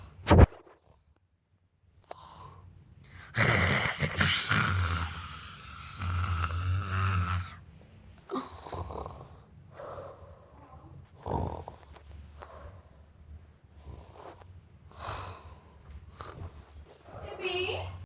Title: 6️⃣7️⃣Is Snoring Like Papa🤭🤣👆